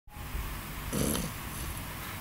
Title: Alma the vizsla puppy snores